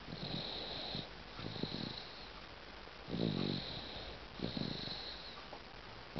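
Soft, rattly snoring sounds with each breath, about four in six seconds, over steady background hiss; infant snoring.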